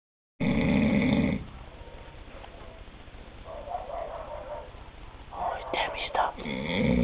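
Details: Adult man (camp counselor) snoring about five minutes after lights out, filmed in the dark: a loud, rough, low snore, then softer breathy noises and another snore at the end.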